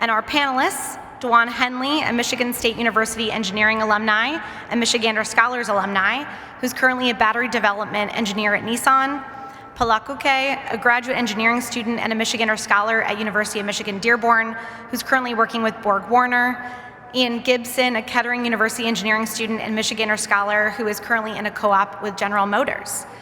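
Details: Adult woman; normal speech.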